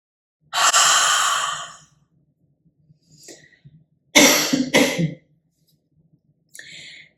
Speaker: I'm then going to pause to catch my breath and then finally going to do three Huffs and a cough so here we go follow along with me if you want to